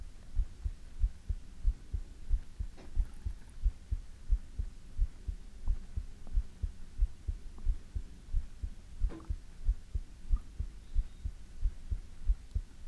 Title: ASMR - You can't Beat it ❤|Heartbeat